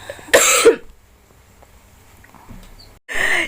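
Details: Two harsh cough bursts separated by a pause, faked as a prank in which the person pretends to cough up blood using red food colouring to fool friends; simulated cough.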